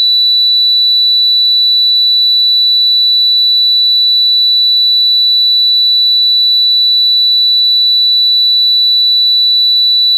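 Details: Simulated tinnitus: a steady, unbroken 3960 Hz high-pitched tone with no variation.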